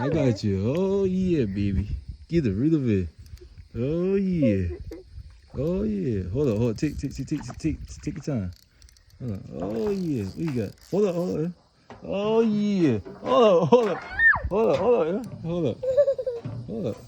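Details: Man who says he stutters when excited, repeating words while landing a perch during fishing; stuttering with word and phrase repetitions.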